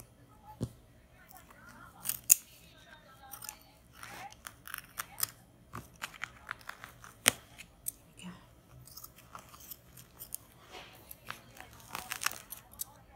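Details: Shears cutting through a plaster cast on an arm broken playing rugby: irregular sharp snips and cracking plaster during cast removal.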